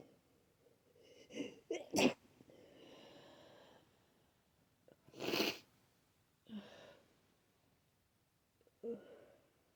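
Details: Adult with a wet cold, runny itchy nose, sneezing all day: breathy build-up with hitching inhalations, then two sharp sneezes and wet sniffles in a quiet room.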